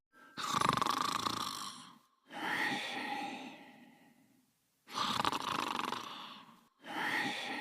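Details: Cartoon snoring sound effect, not real: loud rattling snores alternating with long whistling out-breaths, about four cycles in seven seconds.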